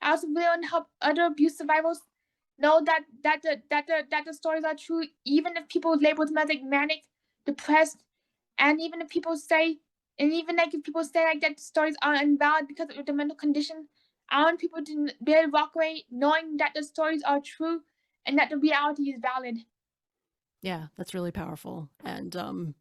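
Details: Autistic young adult woman, recently diagnosed bipolar, with oral motor apraxia, a speech disability that keeps her mind from forming words correctly and makes conversation hard: apraxia of speech.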